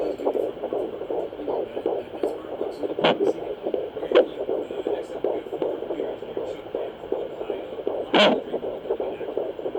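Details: Fetal Doppler: fast, galloping whooshing fetal heartbeat with placental blood flow, plus a few sharp thumps from the baby kicking and flipping.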